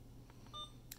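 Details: Soft key taps and short electronic beeps in a quiet room as an Alaris pump is programmed for a weight-based propofol drip (75 kg, starting 10 mcg/kg/min) in a demonstration without actual propofol.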